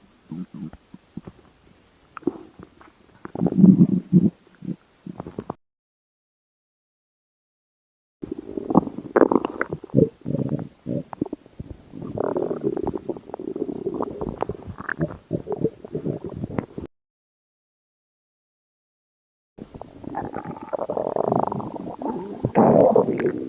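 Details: Low gurgling, rumbling stomach growls in three bursts: stomach growling (borborygmi), normal bowel sounds.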